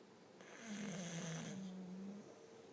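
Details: Bully-breed dog napping on the couch in the afternoon gives a single long, low rattling snore with a whistling edge: dog snoring.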